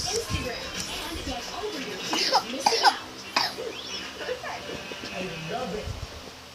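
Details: Infant cough: a few short, light coughs in quick succession over background music and room noise.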